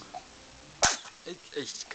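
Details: Single sharp, explosive sneeze from a child, one of twins, followed by brief soft vocal sounds; an ordinary sneeze.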